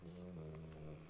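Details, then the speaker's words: Pet dog snoring during its nap: a steady low rumbling tone with a soft fluttering texture, heard at a distance in a quiet room. "Voilà, je suis désolée, peut-être que vous entendez mon petit Cookie, mon chien ronfler. C'est l'heure de sa sieste."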